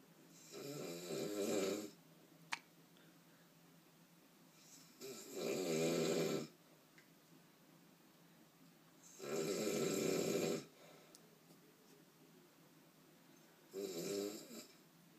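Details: Adult man (father) snoring loudly while asleep: rattling snores on each in-breath, about 14 a minute, with quiet out-breaths between; loud enough to wake the dog.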